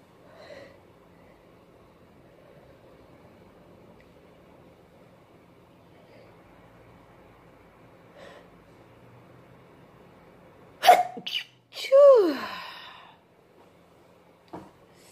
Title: Sneezing fit! Powerful at first then stifles